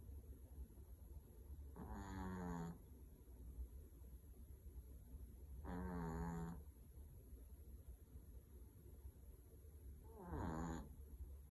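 Three rattling, fluttering snores on the in-breath from a sleeping dog, about 15 breaths a minute, over a steady high-pitched background hum.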